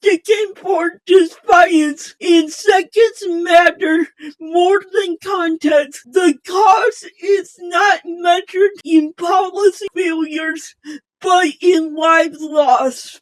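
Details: Female host with a self-stated speech impairment; speech impairment.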